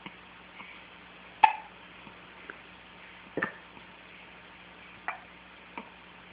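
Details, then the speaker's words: About four soft, abrupt clicks at uneven intervals over six seconds in a quiet room, possibly an animal (perhaps a cat) being asked if it has the hiccups. Hiccups. "Do you have the hiccups? Do you have the hiccups? Oh! Yeah, you got the hiccups? You got the hiccups?"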